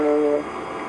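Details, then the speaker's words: Patient says "ee" and through the stethoscope it is heard as a nasal "ah", amid loud static background noise: positive egophony, indicating lung consolidation. "so that individual was saying e and you could hear clearly hear a coming through the stethoscope that would be a positive finding for lung consolidation"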